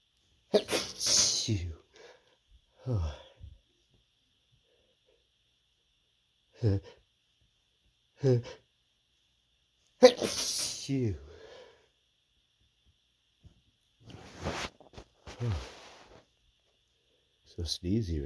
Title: tickly stifled sneezes